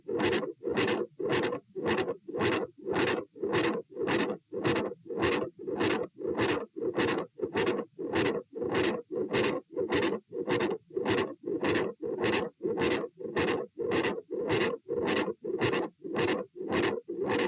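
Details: Auscultation at position A during postural stress test (lie, stand, sit, lie; 72-108-90-84 bpm), sound drops on sitting: fast, regular heartbeat with a rough whooshing murmur through each beat. Continuous heart murmur.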